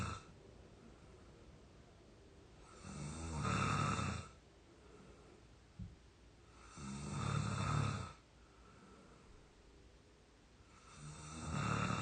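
Regular rumbling snores on each breath in, about 15 breaths a minute, with quiet pauses between.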